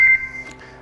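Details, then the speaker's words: One short high-pitched beep from an AIRVO 2 high-flow oxygen device confirming the breathing circuit, the same for adult or junior, is connected and flow has started. "beep indicates that it's connected and it generates flow"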